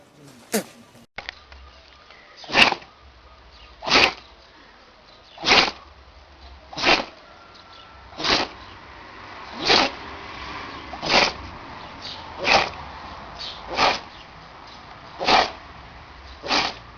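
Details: Pet in a cats-and-dogs sneezing clip, likely a dog: about eleven short, sharp, hissing nasal bursts a second or so apart in a quiet room; repeated sneezing.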